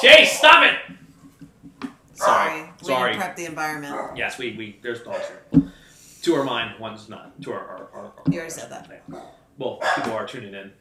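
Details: Adult man who has stuttered since childhood and works in sales and as a wedding MC, speaking in a live conversation; adult stuttering.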